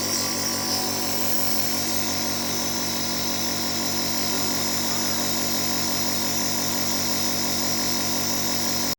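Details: Steady buzzing motor hum with hissing airflow of a nebulizer compressor delivering an aerosol (steam) treatment for a cough, run until the liquid is used up.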